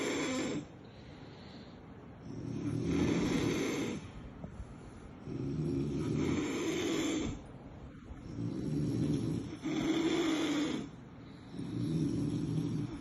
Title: Cute puppy sleeping and snoring 😘😍 #cute #cutedog #cutepuppy #cutepets #cutepuppies #labrador #doggo